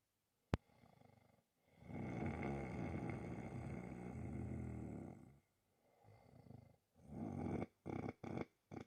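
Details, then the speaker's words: Adult snoring played back from a sleep recording, tagged with menopause and poor sleep, after drinking tea late at night: a long, rough, fluttering snore on one breath, then shorter snorting breaths. "I shouldn't have drank that tea last night so late cuz every time I drank tea I see like a snore oh my"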